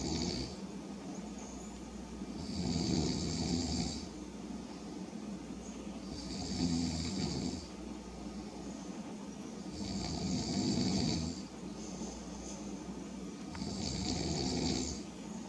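Regular rough snoring on each breath in, about 17 breaths a minute, with quiet breathing between snores.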